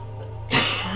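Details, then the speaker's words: A single abrupt cough from an adult whose voice is less than optimal, recorded while reading a game's story aloud, after a moment of quiet room hum. "Sorry about coughs. Those are a problem I'm having."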